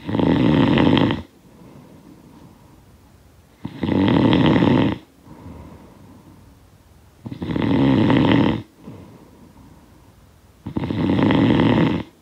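Loud rattling snores on each breath in, with quieter breaths out, about 17 breaths a minute; sound-effect recording of snoring.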